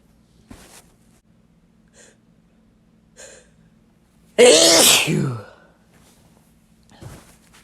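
A single loud, wet sneeze with a sharp voiced burst and spray noise, between soft breaths in a quiet room.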